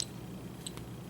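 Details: Snuza Hero baby movement monitor alarm: two brief, high-pitched electronic chirps at its loudest setting against quiet room hum.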